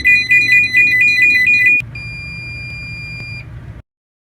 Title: Sound effect - heart monitor failing